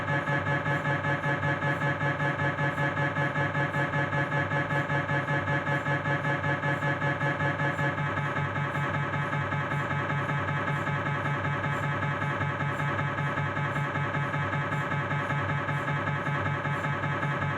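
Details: Loud, steady rhythmic buzzing with a regular repeating beat from a Philips 1.5T MRI scanner during a knee exam; MRI scanner noise.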